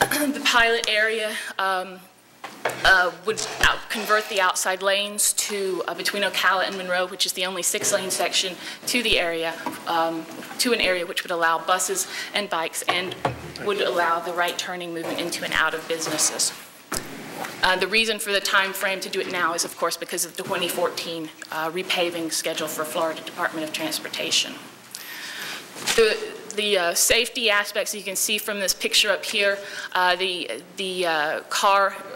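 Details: Vocal tremor in an adult woman, real, self-reported.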